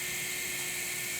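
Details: Powered wire driver drilling a K-wire into solid bone through a drill guide during volar-approach thumb CMC suspensionplasty after trapeziectomy; steady high-pitched drill whir throughout.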